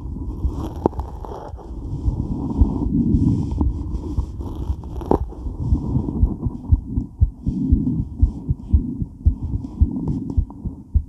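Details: Woman's heart during and after weight training, recorded while moving: pounding beats roughly 115–120 a minute under heavy breathing, rubbing and movement noise; exercise tachycardia.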